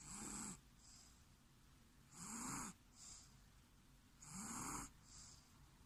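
Regular hissing, whistling snores with softer breaths between, about 28 a minute; a steady snoring rhythm in sleep.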